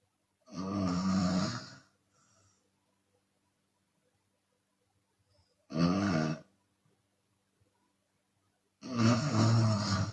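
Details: Open-mouth snoring from a Chinese woman during sleep, sometimes on exhale: three loud, rough, rattling snores separated by long silent gaps.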